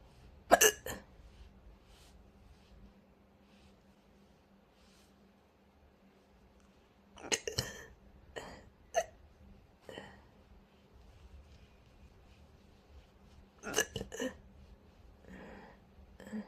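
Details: ASMR recording of hiccups, possibly with stomach growling; short, sharp hiccups in small clusters with quiet pauses between them, about seven in all; hiccups.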